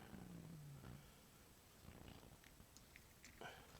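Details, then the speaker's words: A low, gliding rumble under a second, then quiet room noise: an adult's stomach growling (borborygmi) shortly after eating dinner. "you hear my stomach growling over there oh yeah i don't know why i just i literally just ate dinner"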